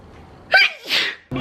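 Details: Single sneeze from a person whose nose is very itchy and irritated for no known reason: a quick sharp intake and then a forceful airy burst.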